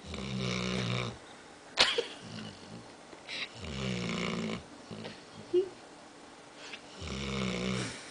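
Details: Pet dog snoring while half awake: loud rattling snores on each breath in, about 16 a minute, with quieter breaths out between them in a small room.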